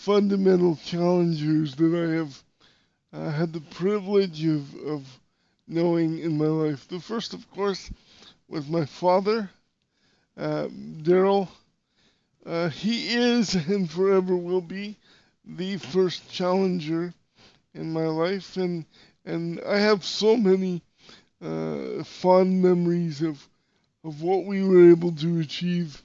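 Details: Dysarthria in a podcast host with severe cerebral palsy, who says he sounded different when he spoke and would sometimes get really tense; real speech, not acted.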